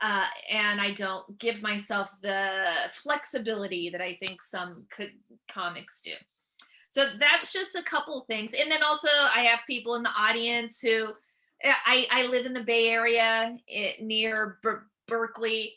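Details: Adult female comedian and author with real stuttering that began at age seven or eight, who also has dyslexia: stuttering.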